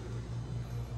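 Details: Dog's normal heart sounds, stethoscope at cardiac apex while femoral pulse is palpated, with fairly high but normal rate.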